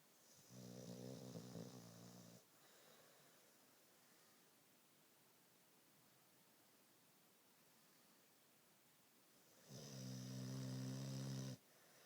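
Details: Snoring while passed out asleep after walking around all day: two long, rough snores about nine seconds apart, near seven a minute, in a quiet room; snoring.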